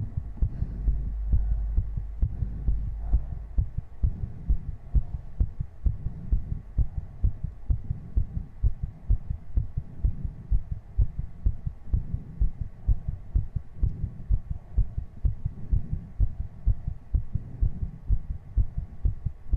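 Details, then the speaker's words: Adult's heartbeat: fast, strong, regular thumping at around 120–130 beats a minute, a quickened heart rate after exertion. "all right Chad I'm gonna get up and do 60 jumping jacks I'll be right back with some heavy breathing and energetic Heartbeats again"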